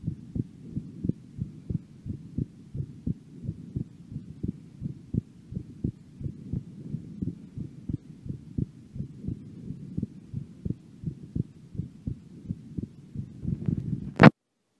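Steady, regular low heartbeat thuds, about 72 a minute, heard while the breath is held; a sharp knock ends the recording.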